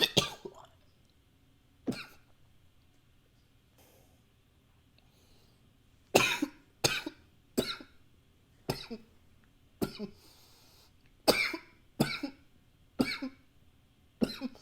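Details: About twelve sharp, separate coughs bunched closer together in the second half, with faint breathing between them, recorded with a high-fidelity microphone; repeated coughing.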